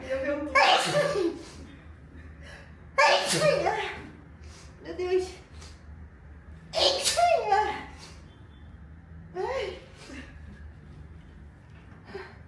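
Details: Girl sneezing, from a sneeze compilation: four or five loud voiced sneezes, each preceded by a sharp in-breath, over steady room hum.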